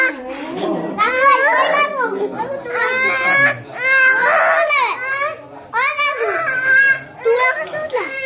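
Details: Baby crying after a painful injection: loud, high-pitched wails with short catching breaths.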